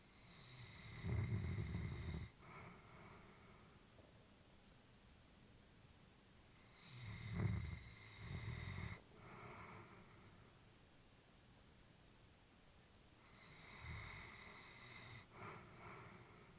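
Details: Elderly female Labrador asleep, family worried about her health; soft, low snoring breaths about every six seconds with quiet pauses between, snoring during sleep.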